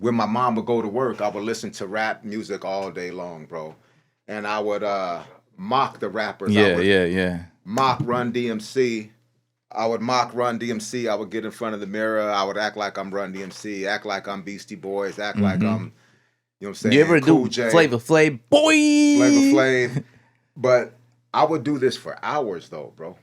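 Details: Adult male rapper who has stuttered since childhood, severely as a youngster, says he stutters a little when speaking but not when rapping or speaking into a microphone; stuttering.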